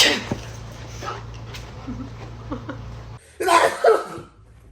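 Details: A single sudden, loud, explosive, breathy sneeze after quiet room hum, apparently made in front of a dog.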